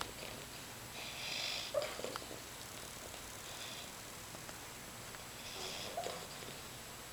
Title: Piggy Snores